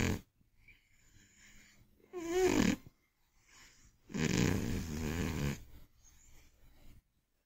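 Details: Old, chubby Scottish Fold cat asleep after eating, snoring heavily: loud, harsh snorts alternate with quieter breaths, and one long, rattling snore stands out.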